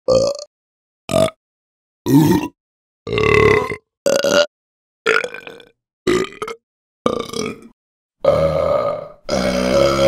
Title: 10 Burp Sound Variations in 10 Seconds #shorts #burp #sound